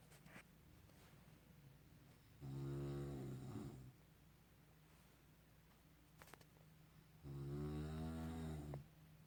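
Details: Adult man (father) snoring at night while asleep: two loud, low, rattling snores about five seconds apart, with quiet breathing between them in a still room.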